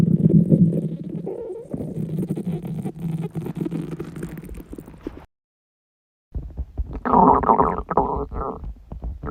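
Low, irregular gurgling and rumbling, a short silence, then louder churning rumbles: stomach rumbling (borborygmi) during a prolonged fast.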